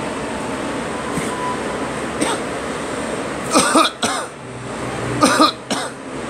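Two pairs of short, sharp coughs over steady background hum from a vehicle or fan.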